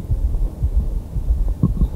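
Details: 48-year-old man with long-standing severe diabetes and heart failure, normal coronaries, peripheral oedema, breathlessness, LV hypertrophy; mitral area: regular tachycardia, soft systolic murmur, extra soft thud after second sound — third heart sound gallop rhythm.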